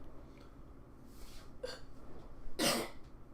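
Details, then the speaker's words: Two short rough throat-clearing bursts, the second stronger, in a quiet room; person says they are really phlegmy. "Sorry, just really phlegmy. I'm sorry you had to hear that."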